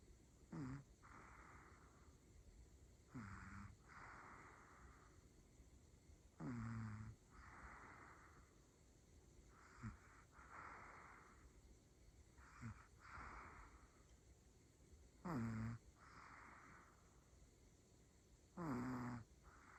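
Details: Three-year-old Pomeranian snoring while asleep, in a slow rhythm of snorty inhalations followed by softer breathy exhalations.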